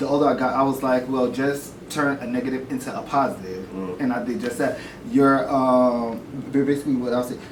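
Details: Adult male with self-reported stuttering, at first reluctant to show it on camera, later accepting it; stuttering.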